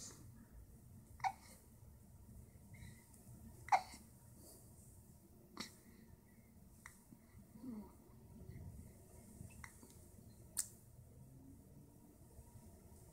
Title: Hiccup like a toy (1week)